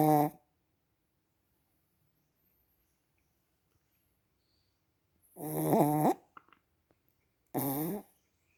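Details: Chihuahua snoring, then choking himself awake: short, loud, vibrating snorts separated by long silences.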